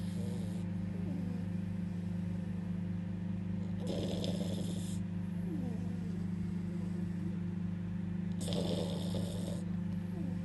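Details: Beagle dog snoring in sleep: soft snorting snores about every four to five seconds over a steady hum; ordinary snoring.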